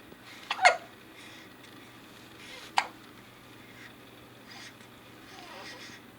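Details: Child with hiccups: two short, sharp hiccup sounds a couple of seconds apart, with soft child vocal sounds between them in a quiet room.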